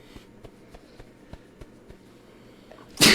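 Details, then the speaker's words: Person having an allergy attack, congested with phlegm and runny nose; quiet room with faint clicks, then a sudden loud, explosive single sneeze. "Oh my god. having a fucking allergy attack. Oh, it's terrible."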